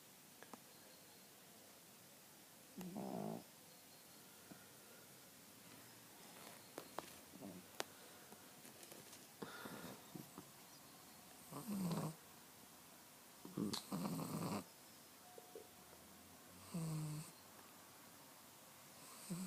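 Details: Loud, rough snorting snores every few seconds from a sleeping pug, with small clicks and rustles between them in a quiet room; snoring.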